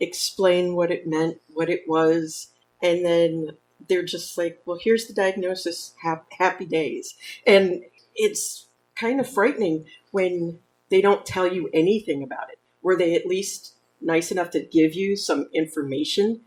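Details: Adult woman speaking; normal speech.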